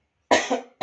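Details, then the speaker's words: Adult male patient, coached to breathe deeply, hold his breath and cough on the count of three, gives a single forceful deliberate cough to expel sputum, another starting at the end; effective-cough technique. "hitung sampai 3 Bapak tahan nafas dulu terus yang ketiga langsung Bapak batukan keluarkan di sini ya"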